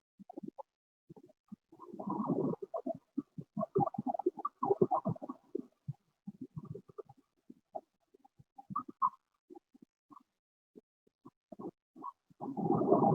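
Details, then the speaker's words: Agonal breathing (gasping): irregular gurgling, rattling gasps with no steady rhythm, described as the ineffective breathing of a patient in arrest with moaning sounds, an urgency calling for immediate resuscitation. "diferencia de la respiración agónica de justin que habíamos visto en tipos respiratorios que sabemos que es una respiración pasa en realidad del paciente son extracción o quejidos no inspiran inspira y debemos iniciar rápidamente la maniobra"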